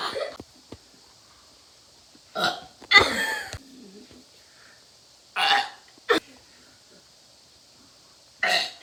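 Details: Several loud, rough, throaty burps at irregular intervals with brief quiet gaps between; belching.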